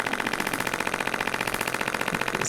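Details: Radial shockwave therapy near the more sensitive bottom of the foot of an adult woman with plantar fasciitis for over 3 years, at 4-5/10 discomfort; rapid, steady mechanical rattling like a small jackhammer.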